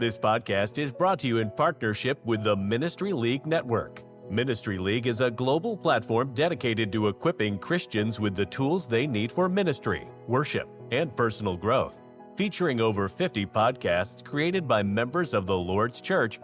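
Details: Adult male narrator; ordinary fluent speech.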